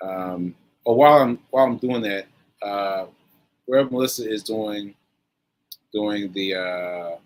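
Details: Post-stroke aphasia in a male, stroke on 7/14/22, recorded about a year later during ongoing recovery; word-finding difficulty with fillers and restarts.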